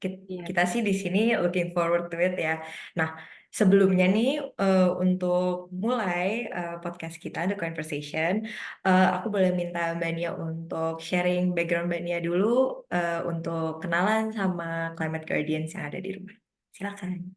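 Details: Adult woman speaking; normal voice.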